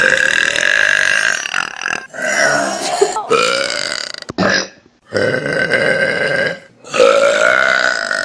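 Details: Burps from a Vine burp compilation: several long, loud, rumbling burps with short gaps between them, repeated belching.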